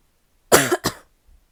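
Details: Female: two quick, harsh, barking coughs with a loose, wet quality; wet barking cough.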